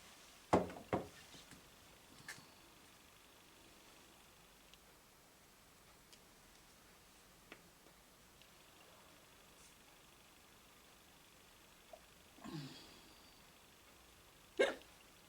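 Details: A girl gets hiccups after breakfast: a few brief, sharp catching sounds at irregular intervals in a quiet room.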